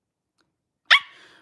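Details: Young woman with Tourette syndrome, on medication, during a livestream: sudden sharp yelp like a short bark, then the start of a voiced sound; involuntary simple vocal tic.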